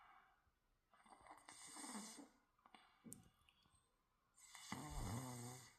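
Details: Snoring in a sleeping young daughter: rough, rattling sleep breathing in two long noisy stretches with a quiet pause between.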